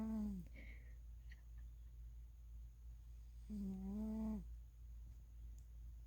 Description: Out of the cats I have, Chowder snores the loudest when he's having a good nap